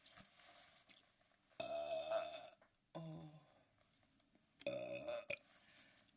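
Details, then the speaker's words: Three drawn-out, rumbling burps from a woman burping badly, with faint room noise and small clicks between them. "Right when I say I can't go live, I burped real badly."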